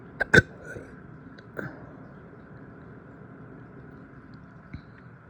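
A few abrupt, short throat catches over steady room hum; hiccups, a common harmless reflex.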